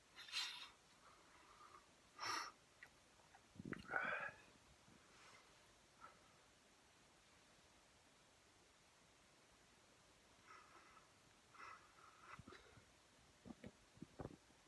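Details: Real sneeze attack: quiet recording with several short, sharp bursts of breath and sniffs, fitting a run of soft sneezes.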